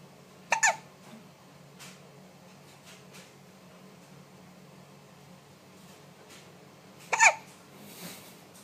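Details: Baby with hiccups: two sharp, abrupt infant hiccup sounds about seven seconds apart in a quiet room.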